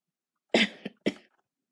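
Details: Unwell person who says she doesn't feel like herself, overheard by the kids: two short, fairly dry coughs in a quiet room; cough.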